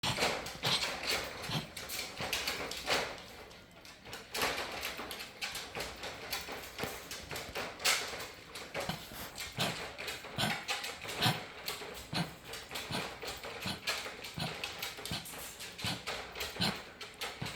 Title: The dog has cough kennel